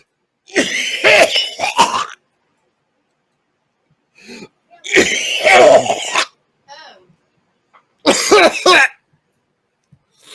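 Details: Person doing a sour pickle balls eating challenge: bursts of harsh coughing and throat clearing in three bouts, some with a gagging, voiced edge, before saying he threw up.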